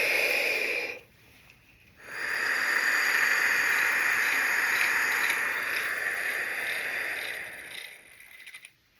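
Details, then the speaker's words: Adult male performing a vital capacity test on a windmill-type spirometer: brief deep inhalation, then a steady forceful blow of about six seconds until completely out, fading as the lungs empty; result about 4600 mL. "so I'll show you what this looks like I'm going to take a big breath in I'm going blow until I'm completely out"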